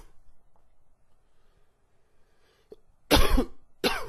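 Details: After a quiet stretch, two harsh coughs with a raspy, wheezy edge; wheezy cough attributed to changing weather and spring pollen.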